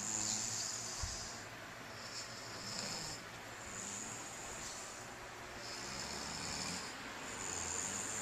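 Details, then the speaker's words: Young child and his father asleep together, recorded with a Flip Video camcorder: steady hissy breathing with rhythmic snoring from both sleepers; ordinary snoring. "This is both of my babies snoring. They're both snoring away."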